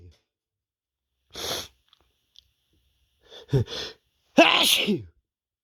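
A few catching breaths and a brief hiss build to one loud voiced sneeze at the end.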